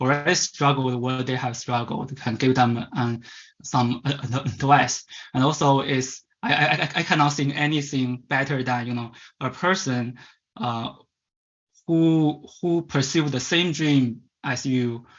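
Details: Man from China who stutters and was taken around age 10–11 to a commercial stuttering-fix course, presenting at a stuttering conference; stuttering.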